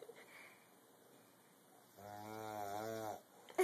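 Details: A grandmother snoring: a quiet pause, then one drawn-out, buzzing, voiced snore lasting about a second, in a small room.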